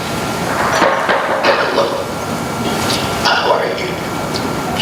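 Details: Esophageal speech demonstrated by a speech pathologist, with air injected into the upper esophagus vibrating the pharyngoesophageal segment, giving a burpy quality, slow rate and soft volume.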